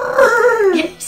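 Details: Girl with cerebral palsy, who also uses sign language, prompted to say a single word and not producing it on request; dysarthric vocalization in cerebral palsy.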